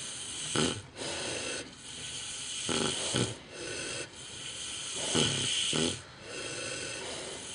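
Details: Micro pig snoring outdoors at night: loud, rough snores in irregular bursts, about 23 per minute, over a steady background hiss. Very loud snoring.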